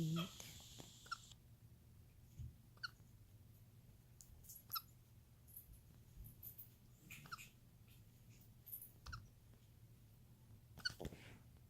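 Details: Baby capuchin monkey, starting to become mobile: soft, sharp clicks recurring about every two seconds, six in all, over quiet room noise; hiccups.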